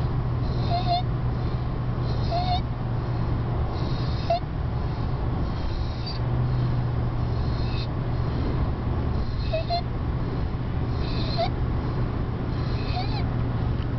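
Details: 2-year-old with laryngomalacia: brief high-pitched crowing noises recurring with each breath; inspiratory stridor.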